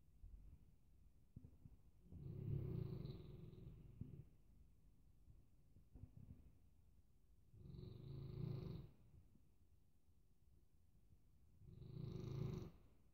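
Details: Sleeping Newfoundland dog: three deep, rumbling snores at a slow pace, about fifteen breaths a minute, in a quiet room; snoring.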